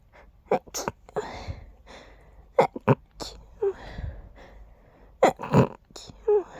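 Several short, muffled sneezes in quick pairs with soft breaths between: stifled sneezing.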